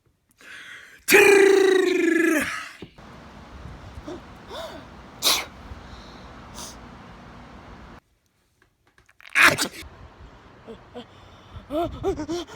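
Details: A loud, forceful sneeze with a sharp voiced onset, then quieter room sounds and a second short sneeze-like burst; ordinary sneezing.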